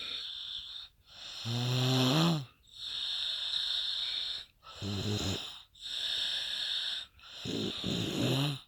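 Loud snoring with whistling, wheezy tones on each breath, roughly eight breaths a minute, alternating rattling and high-pitched phases.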